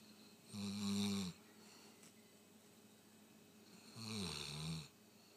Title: More Rottweiler snoring